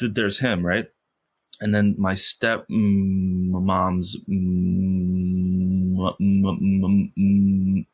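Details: Stuttering in an adult man who has stuttered since first grade; he stutters most when asking for things or saying something important.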